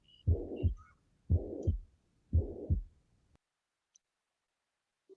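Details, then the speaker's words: Three slow heartbeats, about 57 a minute, each with a steady murmur filling systole from first to second sound, from backflow through an incompetent mitral valve; brief voice at end; holosystolic mitral regurgitation murmur. "y estos se deben al flujo retrógrado de la sangre del ventrículo a la aurícula a través de una válvula mitral o trick hostil ya que sea incompetente"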